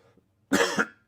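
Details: Adult man recovering from a cold gives one short, harsh cough with a rough throaty edge during a live show; cough.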